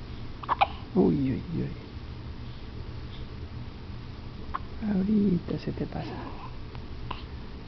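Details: Two abrupt voiced hiccups a few seconds apart, each a short jerky catch of breath, with quiet room noise between, during a long-lasting bout: hiccups.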